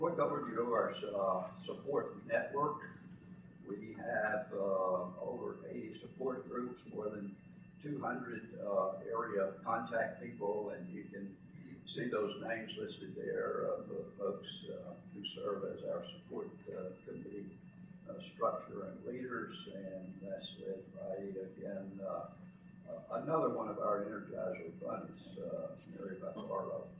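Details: Adult man with self-reported spasmodic dysphonia, speaking as president of a spasmodic dysphonia patient association at its educational conference; real condition, spasmodic dysphonia.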